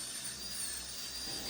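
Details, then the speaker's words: Dental handpiece reducing a tooth during root canal treatment, preparing it for a crown at the next sitting in a chronic case: steady high-pitched whine of a dental drill shaping the tooth. "सो यहां पे आप देख रहे हैं यहां पे gas मेरे जो दांत का जो एक्चुअल साइज है उसको छोटा किया जा रहा है"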